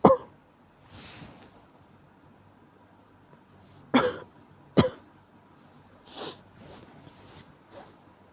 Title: 風邪の咳 caught a cold cough